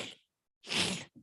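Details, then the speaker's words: Female patient: with the patella pressed at its distal apex while she fully extends the knee, a short rough grating burst; patellar crepitus indicating chondromalacia patellae. "let the patient extend her knee joint completely full extension if you get crepitus sound this type of sound"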